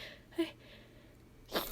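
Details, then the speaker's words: Requested, acted apologetic-sneeze roleplay: a short breath in, then one quick sneeze at the end in a quiet room, with apologetic speech about having to sneeze again; sneezing. "Oh, I'm I'm so sorry. I think I'm going to I think I have to sneeze again. I'm sorry."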